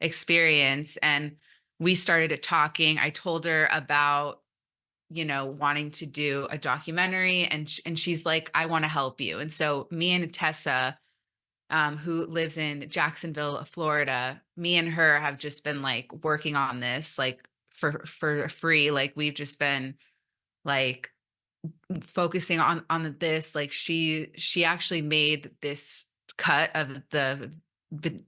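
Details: Stuttering in an adult woman who says she came out as a person who stutters almost three years ago after 29 years of denial.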